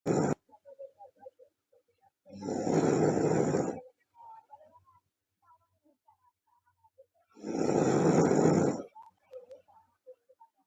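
Two long, loud rasping snores about five seconds apart, with quiet breathing noises between; heavy snoring.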